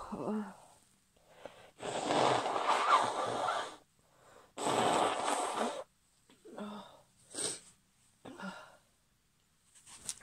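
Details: Stifled sneezes from a woman holding back sneezes: several short hissing bursts through a closed mouth with small catching breaths between them.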